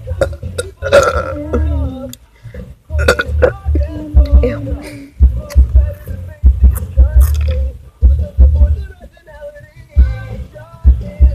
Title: Burping is fun! XD